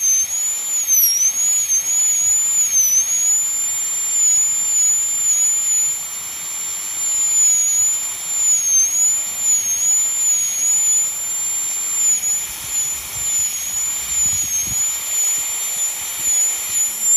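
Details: High-speed dental handpiece: steady high-pitched whine, pitch dipping as the bur loads during full metal crown preparation on tooth #46 of a mandibular phantom, cutting distal to mesial.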